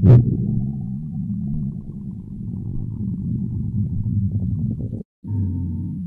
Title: Stomach Sound [Stomach Growling][ASMR] [2023-04-11]